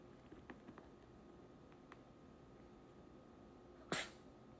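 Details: Chihuahua's attention-seeking sneeze: a single sharp, explosive sneeze from a small dog after a few soft sniffs in a quiet room.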